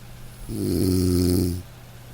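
A single loud, rumbling, low-pitched snore of about one second on a breath in, with quiet breathing around it.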